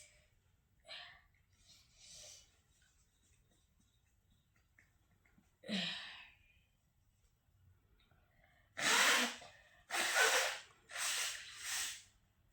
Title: Sneezing challenge 😃 & Noseblowing Challenge🤧requested video #sneezing#noseblowing